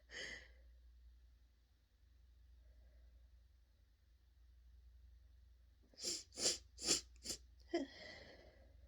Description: i was actually able to get a couple unrestrained sneezes recorded today. whew!